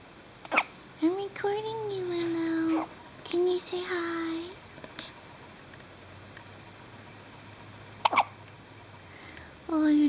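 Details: One-day-old newborn baby girl with hiccups: brief, sharp hiccups spaced a few seconds apart, mixed with soft cooing and whimpers in a quiet room.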